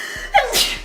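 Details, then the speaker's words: Slow-motion playback of a sneeze during makeup application, person reporting really bad allergies: drawn-out intake then stretched, lowered burst of air. "Oh well, but oh my gosh, I'm going to sneeze. That was a wet one. Slow motion sneeze."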